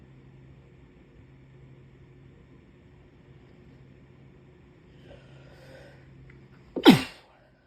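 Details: Puppy with a cold: steady room hum, then one short, sharp sneeze near the end.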